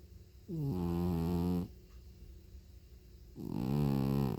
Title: Feral cat snores super loud! (M3FC 1752)